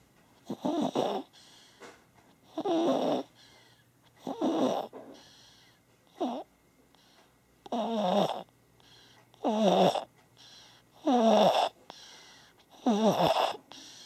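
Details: Repeated voiced, rattly breathing noises about every two seconds, about 34 a minute, in a quiet room: baby snoring.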